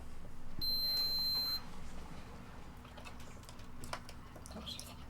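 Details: Enteral feeding pump for a child's gastrostomy tube, switched on before priming the tube with formula to keep air out of the stomach: a steady high electronic beep lasting about a second, then quiet room noise; start-up beep.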